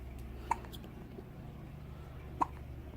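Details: Newborn, 13 days old, with hiccups: two short, sharp hiccup clicks about two seconds apart over quiet room noise.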